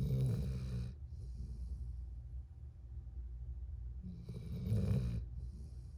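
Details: Dog sleeping next to owner, snoring: two rough, rumbling snores on breathing in, separated by a quiet pause; ordinary snoring.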